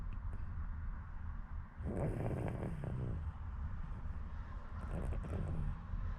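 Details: Sleeping baby, dead tired from playing, snoring: two rattly, snorting breaths over heavy low rumbling noise.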